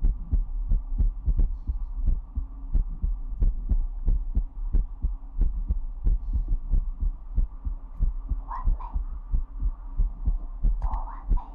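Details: ASMR recording: steady low thumping normal heartbeat at about 90 beats a minute, with a soft hum and brief sounds near the end.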